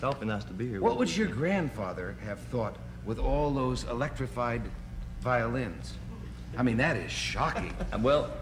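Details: Adult male talk-show host; normal fluent speech.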